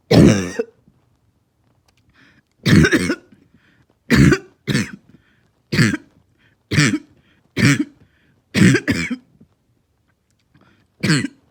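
Nine harsh, loud cough bursts, singly or in pairs, separated by quiet pauses; a barking cough, typical of upper airway irritation.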